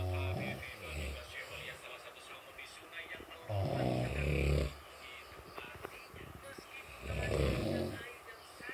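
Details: Heavy snoring: deep, loud, rumbling snores roughly every three to four seconds, with quieter breathing between them.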